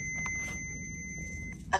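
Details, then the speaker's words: Steady high electronic tone ending in a brief burst of sound as an AED is powered on by pressing the power button, in a first-aid training demonstration. "very important whenever you get your AED first thing you want to do is turn it on press the power button"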